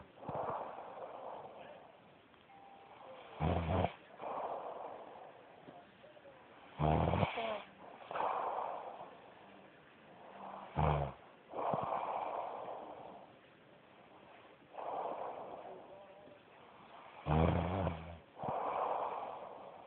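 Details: Loud, rhythmic snoring during sleep, about every 3.5 seconds, with each breath in ending in a rattling snort.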